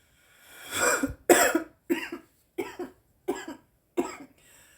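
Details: A run of six harsh, dry coughs in quick succession from a woman after smoking cannabis; irritant cough after inhaling smoke.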